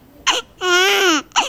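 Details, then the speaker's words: Newborn barely a day old: a short whimper, then a sustained, clear, tonal cry with falling pitch and another brief cry onset; normal newborn cry. "oh my God is that that cutest cry okay"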